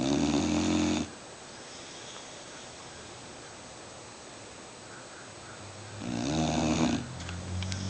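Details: Sleeping dog snoring: two loud, buzzing snores separated by a quiet pause, with low room noise between; ordinary snoring.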